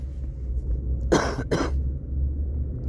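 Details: Two harsh adult coughs over steady car engine rumble, recorded while out curbside scrap collecting; the cough comes with a common cold.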